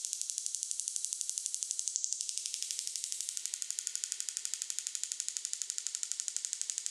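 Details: Extracorporeal shockwave therapy on the right lower back for pain, run at a faster rate: fast, regular sharp ticking at about 240 pulses per minute.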